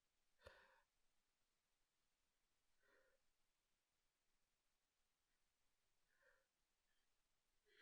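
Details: Person woken in the morning by a persistent nose tickle, trying not to wake anyone: three muffled, held-back sneezes in a quiet room; stifled sneezing.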